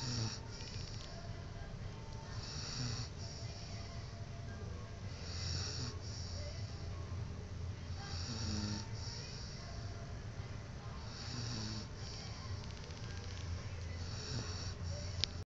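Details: A man snoring: repeated low, rattling snores about every three seconds, roughly 20 a minute, with faint music in the background.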